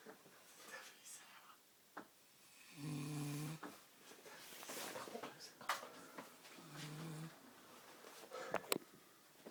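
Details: A drunk girl snoring in her sleep: two loud, buzzing snores on breathing in, several seconds apart, with soft room noise between them.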